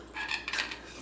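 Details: Brief hard, gritty scraping bursts as an animal grinds its teeth against a shell; teeth grinding.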